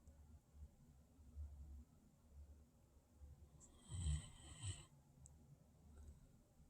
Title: guard dog snores while sleeping